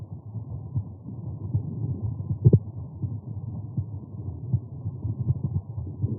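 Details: Heart sounds at the aortic area after exertion.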